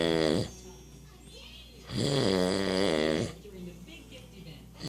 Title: The snore